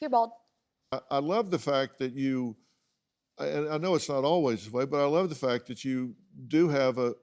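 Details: Adult man speaking; Normal speech.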